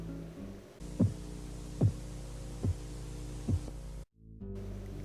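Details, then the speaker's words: Blood pressure Korotkoff phase 4: four soft, muffled low-pitched taps at about 72 a minute over a steady hum, as the tapping drops in pitch and becomes muffled; this phase marks the diastolic pressure accepted in children. "durante la fase 4 el sonido de los golpeteos baja de tono y se amortigua esta fase es la presión diastólica aceptada en niños"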